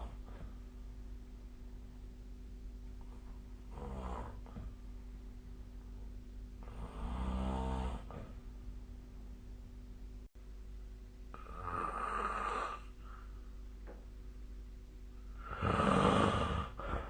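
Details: Snoring during sleep recorded with a snore-tracking app: low, fluttering snores, about four in seventeen seconds, over steady room hum.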